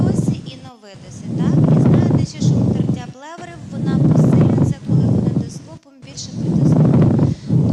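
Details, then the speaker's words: Markedly increased bronchophony; auscultation teaching recording. "А це останнє, це є бронхофонія, різко посилена."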